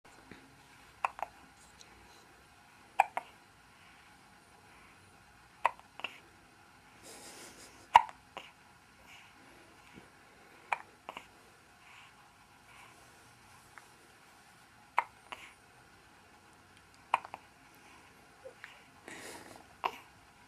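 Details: A recurring bout of hiccups: repeated short, sharp hiccup sounds about every two to three seconds over twenty seconds, with quiet room noise behind.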